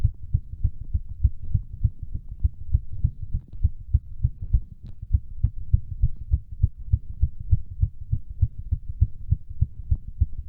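Fast, regular heartbeat at roughly 200 beats a minute: a rapid heart rate during hard exercise.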